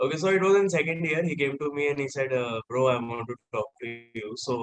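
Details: Adult man speaking; Fluent speech, no speech disorder.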